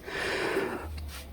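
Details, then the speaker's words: A single short, noisy snorting breath from a chicken with flu-like respiratory illness ("ngorok"); rattling respiratory snoring (rales). "kali ini akan saya berbagi pengalaman tentang bagaimana cara mengobati ayam yang ngorok ya atau ayam yang kena flu ya"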